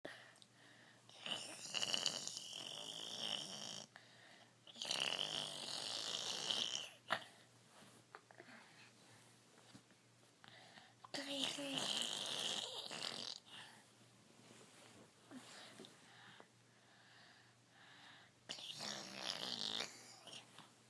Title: Fake snore!